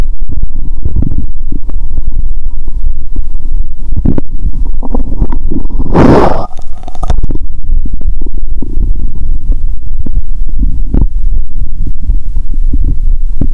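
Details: Loud, near-continuous low gurgling and rumbling bowel sounds through a stethoscope, with one brief louder rushing burst, recorded while eating Mentos and drinking cola; she reports a painful, bloated, swollen stomach.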